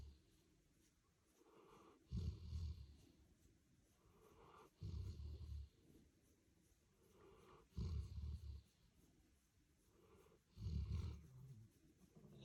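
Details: Golden retriever sleeping beside its owner after a long day at the beach, snoring: deep rumbling snores on each breath, about 22 a minute, with quiet breathing between.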